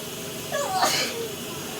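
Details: Single sharp sneeze with a brief voiced onset, recorded in the shower over steady running-water hiss; an ordinary sneeze.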